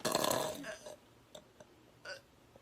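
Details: Woman's burp: one loud, drawn-out belch that fades out, then a few faint short sounds in a quiet room.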